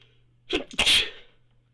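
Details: Quick indrawn breath followed by a single sharp, hissing sneeze; an ordinary sneeze.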